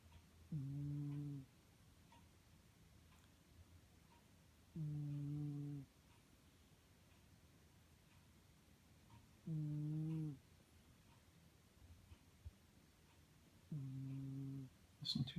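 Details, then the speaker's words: Female cat snoring: soft, buzzing snores about every four to five seconds, roughly 14 a minute, in a quiet room. "Cat is snoring."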